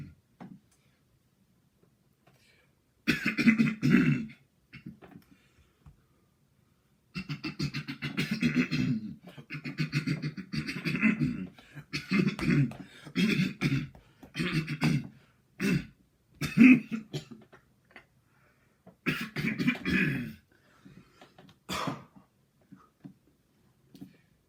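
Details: An adult repeatedly clears the throat in short, rough, rasping bursts separated by brief pauses; throat clearing.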